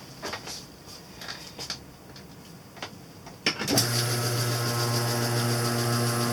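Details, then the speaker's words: Scattered handling clicks, then a loud steady motor hum and whine as a vacuum spatulator starts, mixing a thick half-stone, half-plaster mix for first-stage flasking of a full upper denture. "i'm using a vacuum spatulate ER i always use a vacuum spatch later to mix my stove for blasting"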